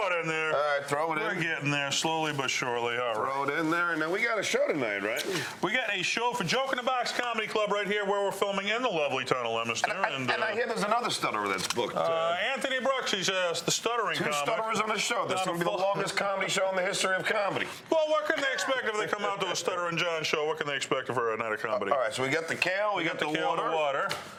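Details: Adult man speaking; ordinary speech.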